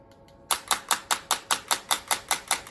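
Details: Miniwave Pro radial shockwave handpiece firing during a treatment demo: sharp, regular clicking pulses, about five a second.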